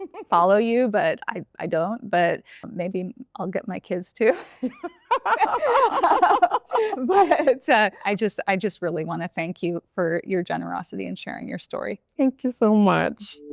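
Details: Adult speaker; typical adult speech.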